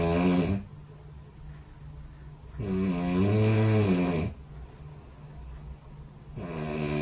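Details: Recorded overnight by a snore-tracking phone app set next to the bed: loud, low rattling snores on each breath in, separated by quiet breath out, about 18 breaths a minute; ordinary snoring.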